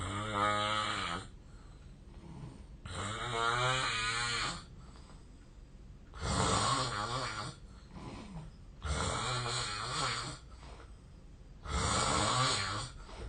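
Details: Very loud, vibrating real snoring recorded during sleep 8 years ago, about 20 snores a minute with quieter breathing between; the snorer, thinner then, wonders about a long-standing sleep disorder; heavy snoring.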